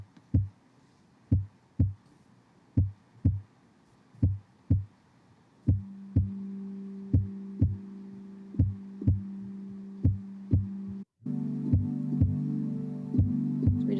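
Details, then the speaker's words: A heartbeat recording, slow and steady paired thumps at about 40 beats a minute, with soft sustained music joining partway, used in hospice music therapy to help patients slow their breathing and heart rate: normal heart sounds. "sometimes we utilize the heartbeat to help the patient entrain to that natural rhythm in their body and help relax their muscles slow their breathing rates slow their heart rate"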